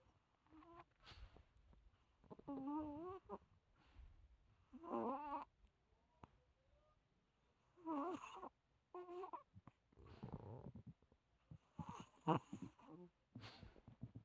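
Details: Adult long-haired Chihuahua dog sleeping after a walk, 30-second recording: irregular squeaky, whistling snorts and wheezy breaths in a quiet room; snoring.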